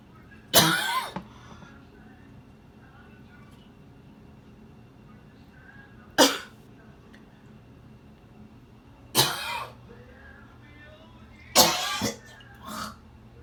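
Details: Adult coughing episode after skipping his daily jog for 4 days: four separate harsh cough bursts over about thirteen seconds, with a faint room hum.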